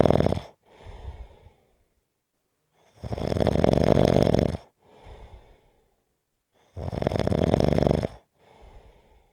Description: This is a 6 minute clip of snoring.